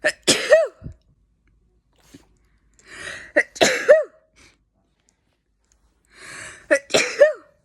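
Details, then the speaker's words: Three forceful sneezes in quick succession, each preceded by a sharp catching inhale; allergy-related sneezing fit. "thing about me, I am going to sneeze."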